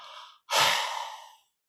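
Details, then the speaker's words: Huff (forced expiratory technique), used for airway clearance to bring phlegm up from the lower parts of the airways instead of exhausting, damaging coughing, in a talk on managing cough and excess phlegm. "So it's very important to do the huff to bring phlegm from the lower parts of the airways"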